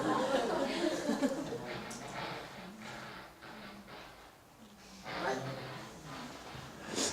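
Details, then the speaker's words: Simulated cochlear implant hearing of a Korean greeting "안녕하세요", as a first-time implant user might hear it with very few electrode channels: noisy, buzzy, smeared speech. "인공와우 를 처음 단 사람이 듣는 소리가 만 이럴 거라고 생각을 합니다"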